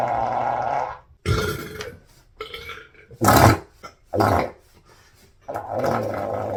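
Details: Several loud, drawn-out, rumbling belches separated by short pauses, repeated deliberate burping in a person bloated after a lunch of pizza, fries and a shake.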